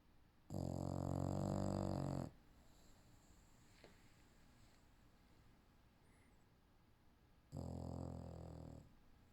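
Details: English Bulldog napping: deep, buzzing snores about seven seconds apart, with quiet breathing between them.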